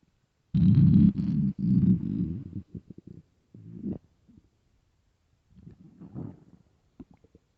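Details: Loud, long low rumble followed by shorter gurgles and squeaks, stomach growling from an empty, hungry stomach, with crying for food.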